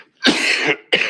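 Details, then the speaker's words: Adult speaking at a committee meeting gives two short, harsh dry cough bursts with no rattle or wet sound; dry cough. "struggling with a little dry cough here"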